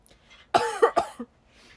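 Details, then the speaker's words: Livestreamer with asthma and no cold, fever or runny nose, coughing during a livestream: a short burst of two or three harsh coughs with throat clearing, an asthma-related cough. "今、喘息でめっちゃ咳出るんですよ。ごめんなさい。"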